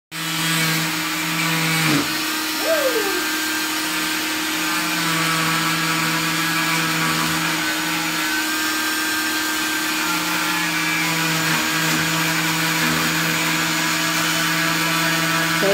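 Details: Steady high-pitched motor whine with a grinding edge throughout, typical of an oscillating cast saw cutting off a cast after a left ankle fracture.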